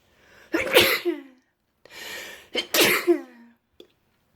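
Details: Two intense, forceful sneezes, each preceded by a sharp inward breath, from a person at home sick with a cold.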